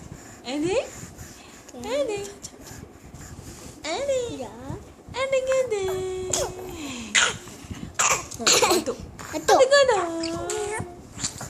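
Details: Baby coughing: several short coughs mixed with an infant's fussing and babbling sounds.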